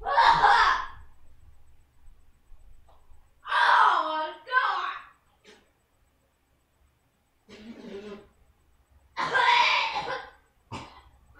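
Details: Coughing fit after inhaling a spoonful of ground cinnamon in the cinnamon challenge: harsh, strained coughing bursts with voiced gasps and groans, throat hurting, barely able to breathe or talk.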